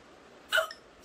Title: || Woman Hiccups ||